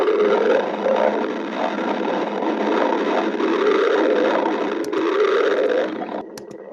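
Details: Stomach growling (borborygmi): continuous bubbling, gurgling rumble with shifting pitch, fading near the end over a faint hiss.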